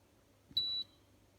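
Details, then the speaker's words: Terumo TE-112 infusion pump switched on with the power button: single steady high-pitched electronic beep about a quarter second over quiet room hum; power-on beep. "now I start this machine first I check this level this up I start this machine like to press one power button"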